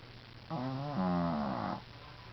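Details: Shih Tzu dog snoring loudly: one drawn-out, buzzing, tonal snore about a second long, rising slightly in pitch.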